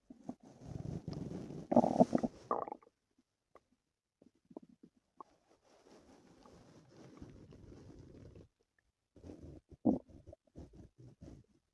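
Loud gurgling growls and bubbling rumbles from the belly, coming in bursts with quiet gaps between; active bowel sounds (borborygmi).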